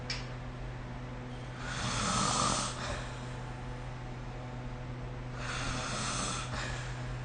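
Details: Two long, harsh rattling snores on breathing in, about four seconds apart, over steady hum; adult snoring during sleep, recorded with the SnoreLab phone app.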